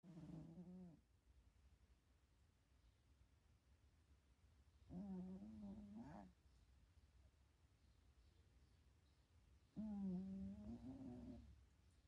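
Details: Sleeping cat napping and dreaming at home: three slow, low, rattling snores, each about a second long, with quiet pauses between; cat snoring.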